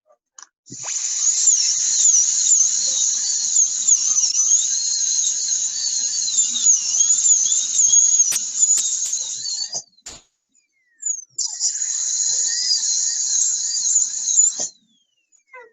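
Steady high-pitched whine with a wavering pitch, a short pause, then another burst; a high-speed dental drill cutting into a plastic tooth.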